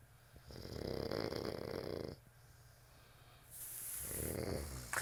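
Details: Two long, rough, fluttering snores, each followed by a softer breath out; snoring.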